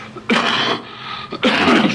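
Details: Adult man coughing mid-speech, later saying he swallowed wrong: two loud abrupt harsh bursts about a second apart with quieter room sound between: a pair of coughs.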